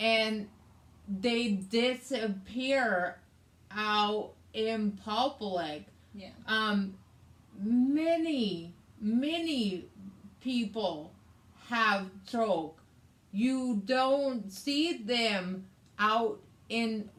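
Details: Adult woman with aphasia, also affecting reading and writing, plus right-sided hemiparesis after a hemorrhagic stroke on May 19th 2020 treated with brain surgery and ICU care; aphasia.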